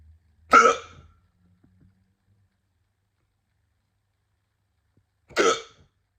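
Two abrupt, sharp hiccups about five seconds apart in a quiet room, each a sudden involuntary catch of breath.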